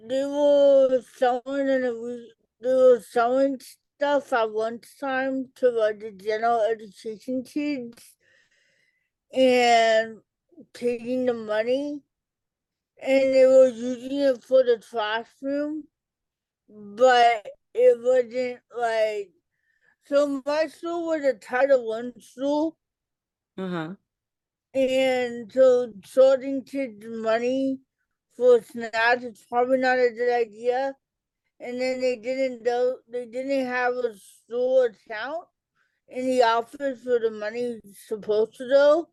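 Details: Adult woman, an educator and author with cerebral palsy, who had a childhood speech delay treated with intervention, speaking in a real interview: dysarthria in cerebral palsy.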